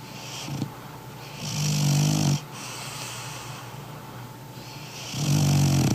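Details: Sleeping French bulldog weighing 20 kg: loud, low rattling snores on each breath, with quieter breathing between them: snoring.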